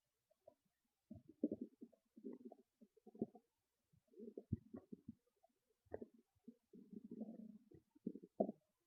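Bursts of gurgling and growling from the abdomen with short quiet gaps: ordinary bowel sounds, stomach rumbling.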